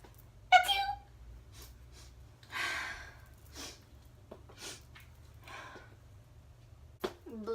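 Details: Acted sneeze imitation, the "sneezy laugh" type likened to a little mouse: a single squeaky, high-pitched sneeze followed by several soft, breathy laugh-like bursts.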